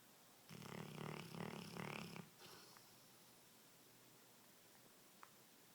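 One long, loud, fluttering snore of about two seconds from a sleeping large dog, then quiet; ordinary dog snoring.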